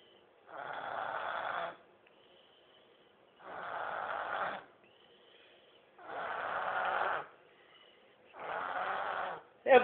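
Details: Three-year-old girl snoring while asleep: four long, rough, rattling snores on breathing in, about every 2.7 seconds (about 22 a minute); loud snoring.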